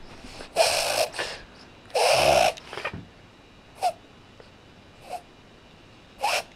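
A dog's loud, harsh snorting inward breaths in a short burst, then a few lighter snorts; a reverse sneeze episode.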